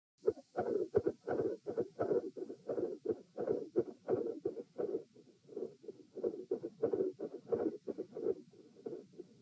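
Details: Heart sounds recorded at position P, second test, mostly quiet with intensity increase at the end, rate 90-72-96-90-102 bpm; pronounced respiratory phasic variation of beat spacing persisting despite provoking manoeuvres.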